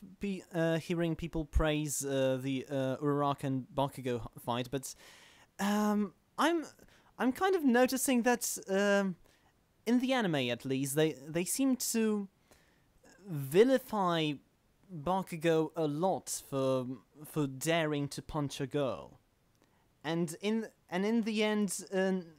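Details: Male podcast host who stammers, recording standing up in a new setup to see whether he stammers more or less; stammering (stuttering).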